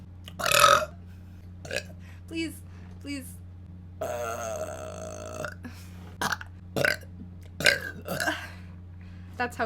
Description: Sexy girl burping